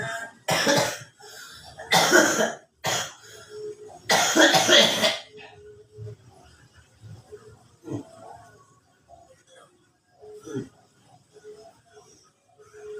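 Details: Cough with feverish, achy body: four harsh adult cough bursts in close succession, then quiet breathing and faint rustling.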